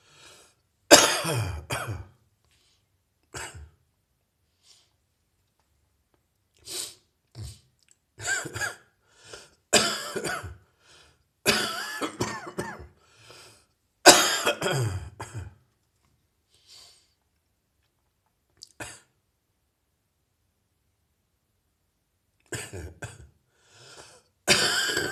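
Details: Adult with a productive chest cough lingering after a heavy chest cold: repeated loose, rattling wet coughing bursts.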